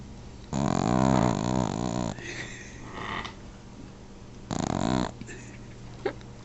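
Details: Sleeping dog named Ginger: loud rattling, buzzing snores with quieter wheezy breaths between them; snoring.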